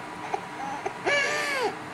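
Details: Brief, short catches, then a thin, high, wavering whimpering cry from an infant girl during a bout of hiccups while someone sings; infant crying.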